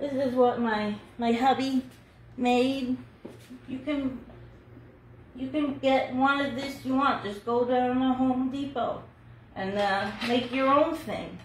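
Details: Adult woman about two years after a hemorrhagic stroke, with seven brain surgeries and one more planned, still numb, unable to talk at all a year earlier and working on speech recovery; aphasia after stroke.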